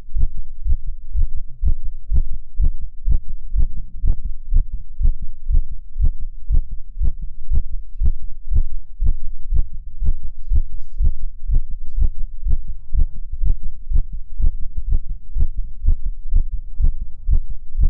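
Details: Regular, strong low thumps of a male heartbeat, about 120 beats a minute, recorded for ASMR; fast heartbeat.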